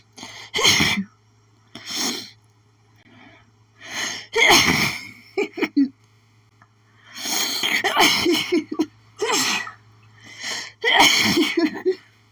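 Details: Person with an itchy, pollen-triggered sneezing fit: a rapid run of about eight forceful sneezes with sharp in-breaths between them, strong enough to cause doubling over.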